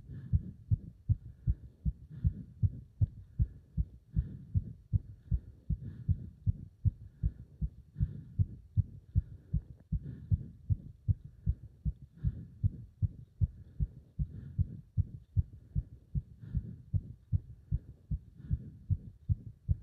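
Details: Heart sounds during leg wrench exercise, pulsation felt up to the subclavian artery: fast, strong, regular heartbeat at about 150 beats a minute, a pounding rhythm of hard exertion.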